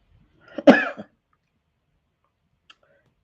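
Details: Single harsh, hoarse cough burst in a quiet room from an adult sick with COVID-19 in 2023 after earlier negative COVID, flu and RSV tests; cough.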